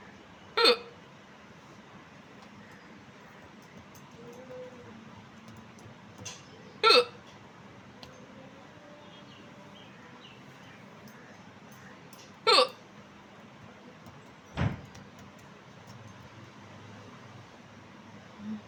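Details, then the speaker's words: Loud, sharp, abrupt real hiccups recurring irregularly, about eleven a minute, in a quiet room; the woman stays silent to let the hiccup sound be heard; hiccups. "है जी आया पंडित जी कितना जोर से हिचकी ये मेरी real हिचकी एकदम जोरदार"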